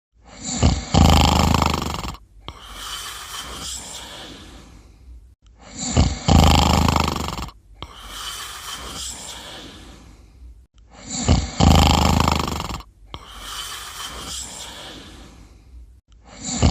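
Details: Snoring during sleep: loud, rough snoring on each in-breath, about three cycles in 16 seconds, with quieter breathing out between.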